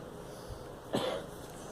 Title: Girl coughing